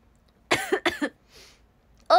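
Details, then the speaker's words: Young woman with asthma, no cold, fever or runny nose, coughing a lot during a livestream: one short burst of two to three harsh, partly voiced coughs, an asthma cough. "今、喘息でめっちゃ咳出るんですよ。ごめんなさい。"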